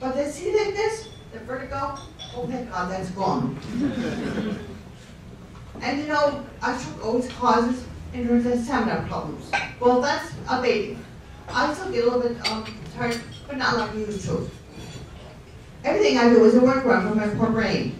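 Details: Ataxic dysarthria in a guest speaker who refers to a stroke, speaking at a fundraiser for a non-profit serving people with neurological conditions.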